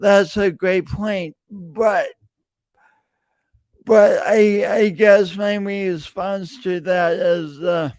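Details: Stuttering (speech disfluency) in an adult male podcast host with a long-standing speech impediment that he denied for years; repeated words throughout his speech.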